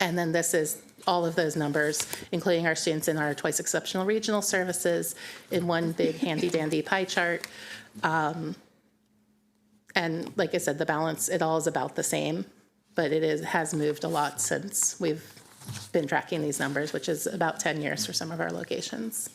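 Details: Adult woman speaking; normal speech.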